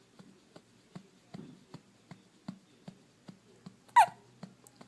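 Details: One-week-old infant hiccups: soft, regular little hiccup sounds, roughly one every half second, with a brief squeak near the end.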